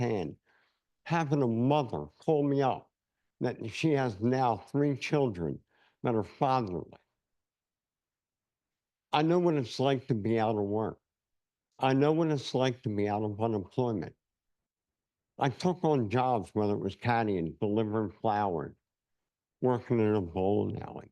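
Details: Adult man, a cancer survivor nearly 10 years cancer-free, with no saliva glands; speech affected by dry mouth (xerostomia).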